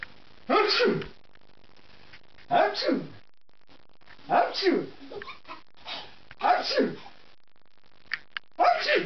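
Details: Adult man (father) sneezing, possibly pretending: a run of about five voiced 'achoo' sneezes separated by short pauses in a quiet room.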